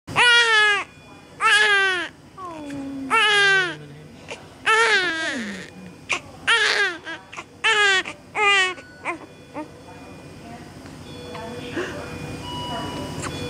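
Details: Newborn's first cry: loud, high-pitched bursts of crying, about four strong cries with pauses between, fading to quieter whimpers.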